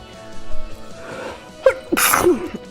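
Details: A person, who has a big cold, sneezing on a Twitch stream.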